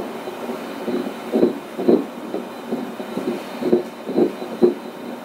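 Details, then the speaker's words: IVF pregnancy with a July 2nd due date on ultrasound, baby lying high and a normal amount of amniotic fluid: muffled, uneven pulsing thumps at roughly 130 a minute over machine noise; normal fetal heartbeat. "Let's just listen to the heartbeat while we're here. Normal heartbeat."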